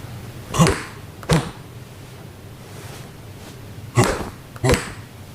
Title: in slow motion with normal heart sounds